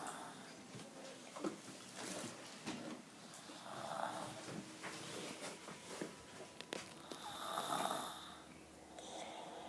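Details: Snoring recorded 27 June 2013: soft, irregular snorting snores with a faint whistle on some breaths, over quiet room noise.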